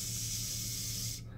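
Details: Adult male pediatric speech therapist demonstrating a sustained /s/ as a model for children; sustained /s/ sound, correct production.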